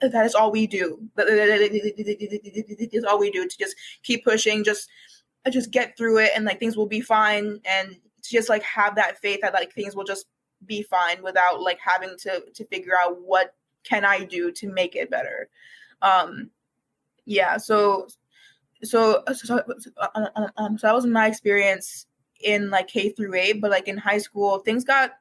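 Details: Developmental stuttering present for as long as the speaker can remember, in a university student who began speech therapy in kindergarten, with frequent repetitions and fillers.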